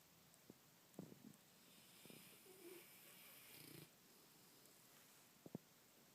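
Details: Snoring: one soft, rough breath noise with a low fluttering rumble and a few faint clicks in a quiet room.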